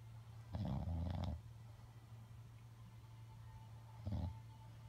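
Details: An elderly woman (grandma) snoring: two low, fluttering snores with quiet breathing between, against a faint steady room hum; snoring.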